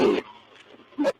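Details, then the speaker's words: Agonal respirations from a man struck by a vehicle on a highway during a tow-truck ride-along, recorded on video at the scene: the sound of him struggling to breathe. "That noise. That's the agonal respirations."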